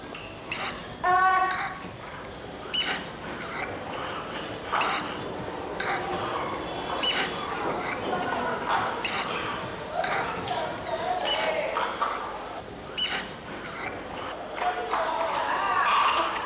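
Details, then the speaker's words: Child's noisy breathing with musical, whistling tones on breathing out, an expiratory wheeze rather than stridor; expiratory wheeze. "Stridor is a harsh sound when breathing in. This child has a wheeze when breathing out."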